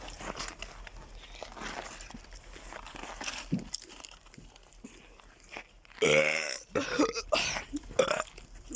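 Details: Young man among friends gives a loud, drawn-out belch with a deep croaking tone over background murmuring, followed by laughter and voices; burping.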